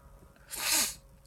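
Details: A single sharp, hissing sneeze with a brief voiced onset, set off by sniffing cayenne pepper off a Q-tip, one of nine, leaving the nose stuffed; sneeze.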